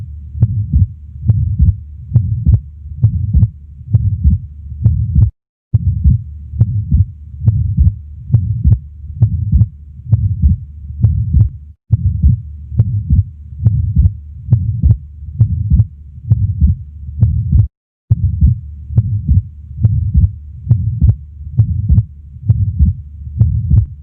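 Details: Atrial septal defect heard at the left base: regular heartbeat about 69 per minute with a soft low murmur between beats.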